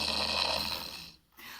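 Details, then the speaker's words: Young, slim woman's night-time snoring played back from a voice recorder: a single rough, hissy snoring breath fading into quiet. "в общем я храню я думала что храпят только пожилые или там с весом люди"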